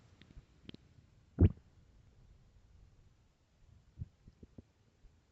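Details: Extremely loud morning stomach growls: one deep gurgling rumble with a few smaller pops and squelches; ordinary borborygmi.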